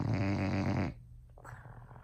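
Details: Loud snoring from a bulldog asleep in bed overnight: one loud, deep, rattling snore of about a second, then quiet breathing noise.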